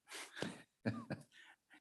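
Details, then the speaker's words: Two short, harsh, non-productive cough bursts, then softer throat clearing: a dry cough during a Senate meeting, which the speaker links to COVID a year ago and a throat that gets dry since. "excuse me senator biden trust me i'm not sick it's just last year's since i had covered you know we had a code a year ago yeah both did and and ever since then i i have this i get my throat gets dry"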